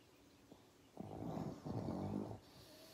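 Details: Sleeping pug, a flat-faced dog, giving soft, snorting, fluttering snores over about one and a half seconds; snoring.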